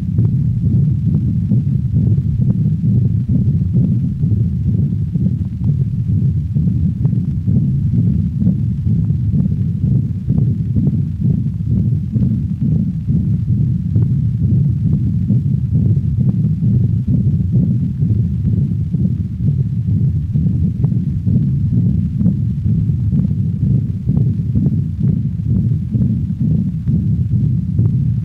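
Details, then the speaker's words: Dog with patent ductus arteriosus, recorded at the cranial thoracic wall: a continuous rumbling machinery murmur through both heart phases, accentuated in late systole. "listen to the continuous machinery murmur of a patent ductus recorded at the cranial thoracic wall of a dog"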